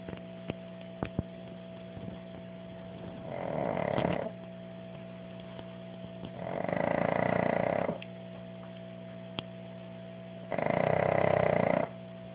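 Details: Pug snoring: three long, rumbling snores about three to four seconds apart, about 16 a minute, over a steady background hum; snoring in a flat-faced dog.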